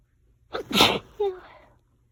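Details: Single forceful sneeze with a sharp inhaled catch before the burst and a brief voiced tail, part of an allergy sneezing fit that kept going for about 20 minutes.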